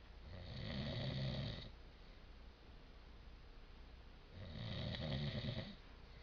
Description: my dad snorz like a growling dog